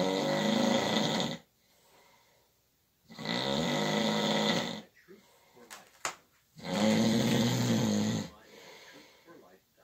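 Long, loud snores lasting over a second each, separated by quiet pauses, about three in ten seconds: slow, heavy snoring during sleep.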